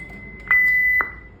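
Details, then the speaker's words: Defibrillator function check: energy level 4 is selected on a 1–10 scale and charged, then a test shock is fired, giving a steady high electronic tone with two sharp clicks that confirms the machine works. "चार करके मैंने charge कर दिया अब मैं यही प shock देके इसको देख सकता हूं यही शक दे देख सकता"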